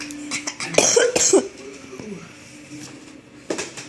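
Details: A dog gives a short run of dry, hacking cough-like bursts, called a fake or pretend cough by the owner rather than illness.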